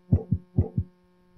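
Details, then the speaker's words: Normal heart sounds from a Littmann stethoscope teaching resource: two clear lub-dub beats, fairly quick at about 125–130 per minute, no added sounds. "instead of telling them what the heart sounded like we went to here's the osculation so there's a link to the heart sound"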